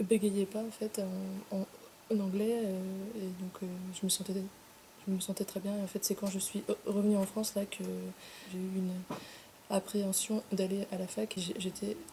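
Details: 25-year-old French-speaking woman who began stuttering at her separation from her twin brother. She did not stutter in English while in Ireland, and it returned in France; stuttering.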